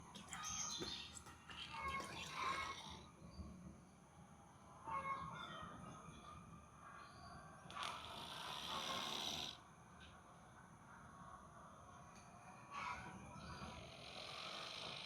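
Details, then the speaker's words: Cat snoring loudly after staying up late the night before, with harsh, thunderous, rattling breaths recurring every few seconds over light background noise; snoring. "Kacu semalam habis ronda. Begadang ya Kacu. Jadi nyampe ngorok."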